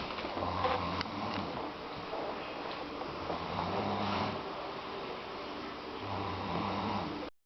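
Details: A woman passed out asleep: low, rumbling snores that rise and fall with her breaths over a steady room hum; snoring.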